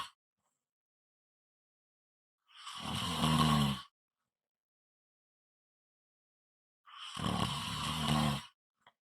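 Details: ASMR snoring recording: two loud, rough, rattling snores on breathing in, about four seconds apart, with silence between them. Snoring.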